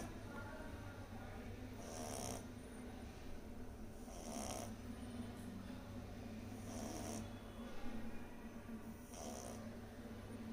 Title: beagle puppy snoring